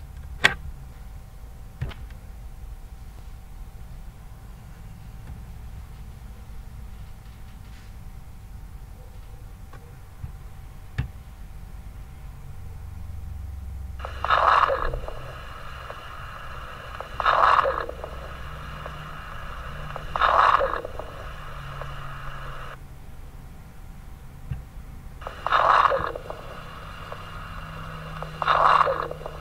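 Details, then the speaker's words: Lung auscultation: quiet start, then breaths about 20 a minute with brief, dry, explosive non-musical crackling pops on inspiration, like quickly squeezing a plastic bottle. Fine crackles. "o instrutor é esse som chamado explosivo não não musical que lembra quando a gente aperta uma garrafa pet assim rapidinho né"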